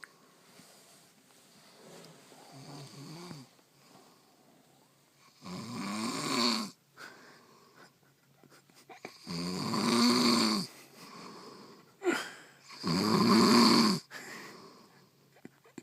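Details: Sleeper snoring in bed at night, heard while someone else tries to sleep: loud rattling snores on each breath, about 17 a minute, in a quiet room; heavy snoring.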